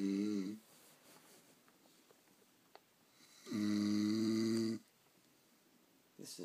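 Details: Man asleep in a chair during a haircut, snoring: loud, steady, humming snores of about a second each, separated by quiet pauses with faint scissor clicks.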